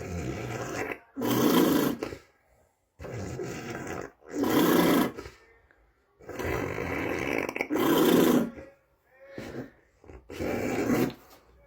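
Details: Female patient just after a generalized tonic-clonic (grand mal) seizure, face turning blue, turned onto her side, colour slowly returning: loud, harsh, snoring-like stertorous breaths with grunting, about 19 a minute, separated by pauses.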